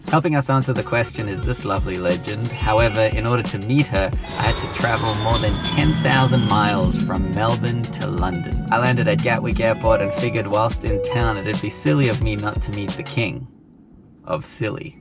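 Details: Adult male speaker; ordinary speech.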